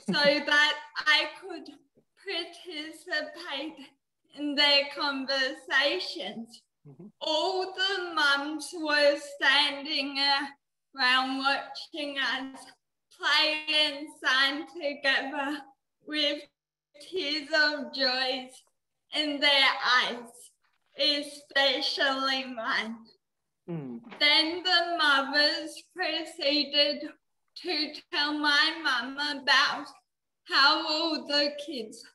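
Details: 19-year-old woman with cerebral palsy, which she says affects her mouth muscles and speech; she could not walk or talk until age eight; dysarthria (cerebral palsy).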